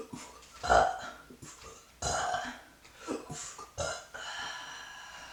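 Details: Person taking a break from working outside: several loud, drawn-out, gurgling belches in a row with quieter noise between; repeated burping.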